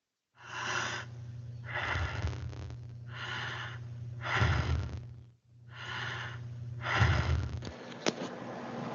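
Soft, even breaths in and out over a steady low hum, roughly four breath sounds: a normal breathing pattern at rest.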